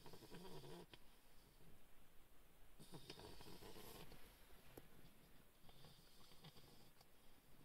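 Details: Sleeping bulldog puppy: rhythmic low rumbling, fluttering breaths repeating every few seconds; snoring.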